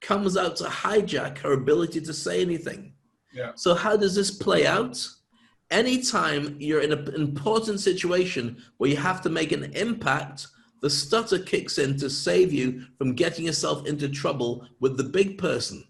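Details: Adult male speaker; fluent speech.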